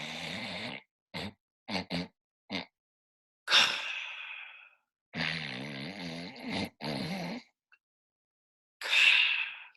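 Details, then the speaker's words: Imitated obstructive sleep apnea snoring: loud, rough snorts, then brief breathing stops and a sharp gasping breath, mimicking an airway flap closing and the sleeper waking. "if you know anybody who suffers from sleep apnea they might snore very loudly and once in a while their snoring might sound like this"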